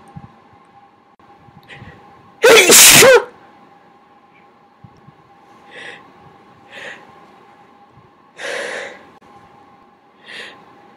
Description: A bunch of huge, wet sneezes and me talking about sneezing at someone's request.